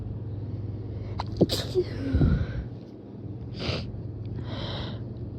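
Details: Late-night sleepy sneezes from a person recently recovered from Covid: a sharp sneeze burst after a brief intake, then softer sneeze-like noises over a low room hum.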